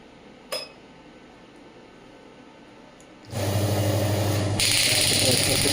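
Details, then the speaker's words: Quiet room, then a fast, steady buzzing rattle of pulses, about 200 a minute: a Biotronix pneumatic radial shockwave (ESWT) handpiece firing (maximum 12 bar). "ये 12 बार तक अभी मैं इसको आपको चला के दिखाऊंगा। बट 12 बार पे काफी ज्यादा इंटेंसिटी है एक छोटे टिश्यू एरिया के लिए।"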